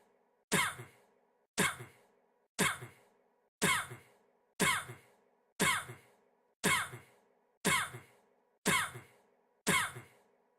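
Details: Jungkook coughing: single sharp dry coughs repeating evenly about once a second, ten in a row, with a faint steady background tone; repeated cough.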